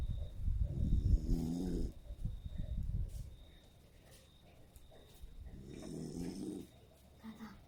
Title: Sleepy 😴 schnauzer Snoring in my arms 🤫😴 Schnauzer pitic sforăie în brațe